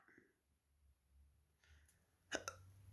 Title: thank you to another subscriber sorry about the hiccups